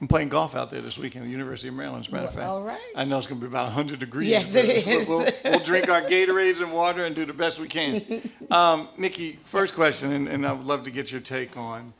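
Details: Adult man speaking; normal speech.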